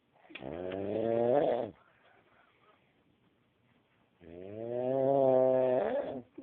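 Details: Snoring from a man: two long, loud, buzzing snores on the in-breath, separated by a quiet out-breath; heavy snoring.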